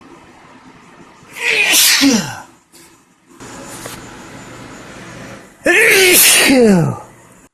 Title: cold sneezes (male)